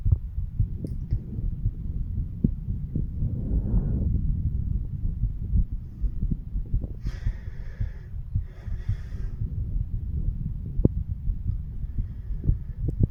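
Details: Stethoscope chest auscultation of a 35-year-old male over the mitral, tricuspid, pulmonary and aortic valve areas: muffled, repeated low heart thumps with brief chest-piece rubbing noise; heart sounds.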